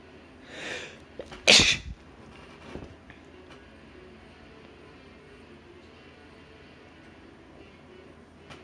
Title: Bored induced sneezes (m)